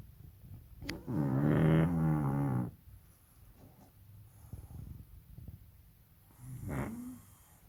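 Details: Sleeping baby pug (female) snoring: a long rattling snore, then quieter snuffling breaths and a shorter snore.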